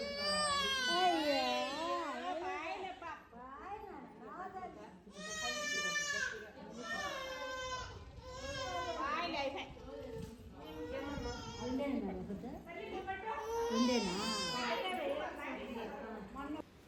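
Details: Baby boy crying after his third-month vaccinations: repeated loud, high-pitched wailing with brief gasps between bursts, a pain cry after the injection.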